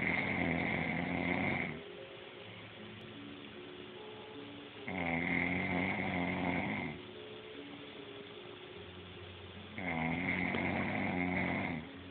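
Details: Ordinary snoring: loud, rough snores on each in-breath, about 12 a minute, with quieter breathing between and steady background noise.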